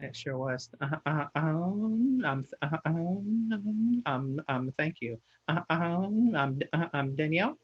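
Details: Adult who stutters presenting a webinar on career barriers, with frequent fillers and word repetitions; stuttering.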